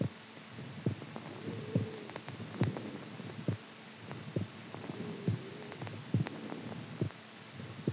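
Regular soft low thumps in pairs, about 69 beats a minute, over a steady hum; a normal heartbeat.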